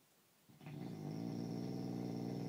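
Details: Adult male (husband) snoring after an anti-snoring foam spray failed to help: a low, steady, rumbling snore that begins after a brief quiet moment and rattles evenly through the breath.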